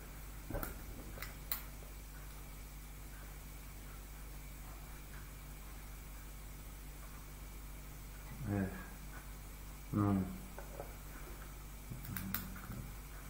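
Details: Adult, simulated patient; Broca's (nonfluent) aphasia, simulated.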